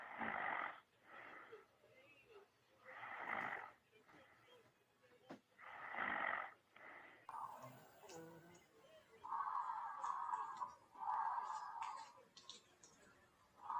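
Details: Adult snoring while using an electric massage sleep mask switched on full high: repeated rough, buzzing inspiratory snores with heavy breathing between, over the device's mechanical hum; the snorer wonders about sleep apnea and needing CPAP.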